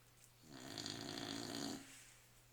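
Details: Staffordshire Bull Terrier dog snoring in sleep: a single drawn-out, buzzing snore with a whistly edge, over quiet room noise.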